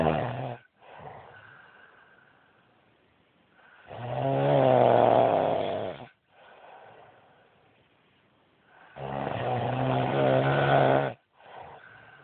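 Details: Adult man (husband) snoring badly in sleep: loud, harsh snores on each breath in, softer breaths out, about six breaths a minute in a quiet room.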